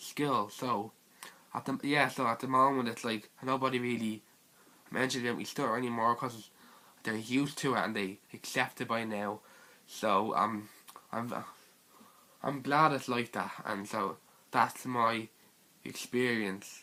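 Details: Stuttering (stammering) in a teenage male speaker.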